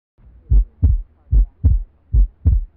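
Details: Auscultation teaching recording of normal heart sounds: regular paired low lub-dub thumps at about 70 a minute, the first and second heart sounds.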